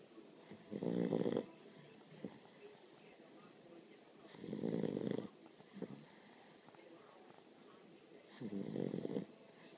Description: my Great Dane puppy snoring